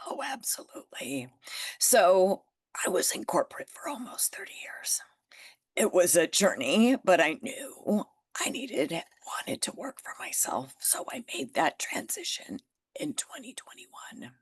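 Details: Adult woman with spasmodic dysphonia that developed from stress after starting her business, still audible in her voice; working through it naturally and refusing Botox.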